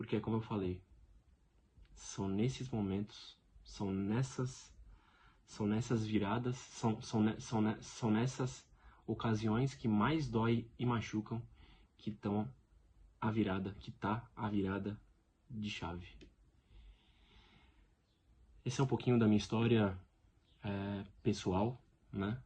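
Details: Adult man speaking Portuguese who lives with stuttering every day; finding: stuttering.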